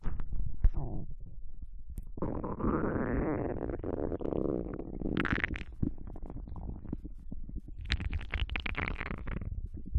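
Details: Japanese girl's abdomen digesting ramen and potato chips: long gurgling and rumbling with bubbling runs, active normal digestive bowel sounds.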